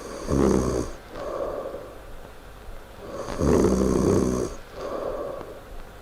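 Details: Snoring: loud, rattling snores on each breath in with softer breaths out, about two breath cycles in six seconds.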